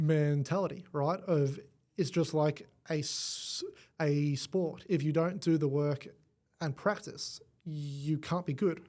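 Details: Adult male with cerebral palsy affecting the left side of his body; stutter described as a symptom of it, first noticed around age five, gone for about a year then returned worse, treated with the McGuire Programme; stuttering.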